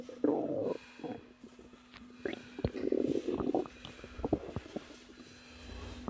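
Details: Woman about 3 months pregnant, relaxing: soft gurgling rumbles and brief squeaks over quiet room noise, natural stomach growling from digestion in early pregnancy.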